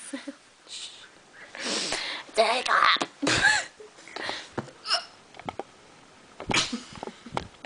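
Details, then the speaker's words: Person with hiccups laughing in a small room: several short, abrupt squeaky gasps break through bursts of laughter and voiced sounds; sudden involuntary catches, hiccups. "Oh, I think they're gone. No, I just hiccuped while I was laughing. Oh. A small hiccup."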